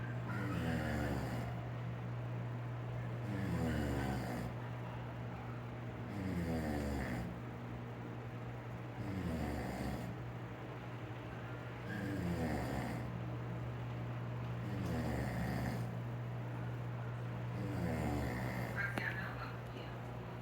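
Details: Adult man (father) snoring: loud, regular rattling snores with each breath in, about 21 breaths a minute, over a steady low hum.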